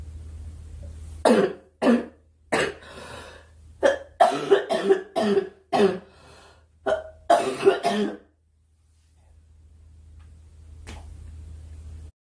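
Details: A girl, who says she is sick and wants the coughing to stop, gives about a dozen partly voiced coughs in short clusters, then a quiet pause, over low background hum; cough.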